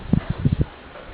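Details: An adult man snoring, loud enough to keep a child from sleeping.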